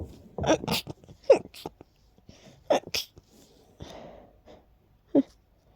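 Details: Several short, breathy, held-back stifled sneezes with quick catches of breath between, from someone whose allergies are acting up with an incredibly tickly nose.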